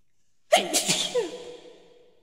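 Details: Staged comedy sneeze, blamed on pollen, before work: one sharp, explosive sneeze with a quick fading tail.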